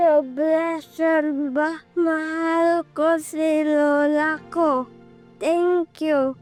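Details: Dysarthria in a child with cerebral palsy who cannot walk and has difficulty speaking.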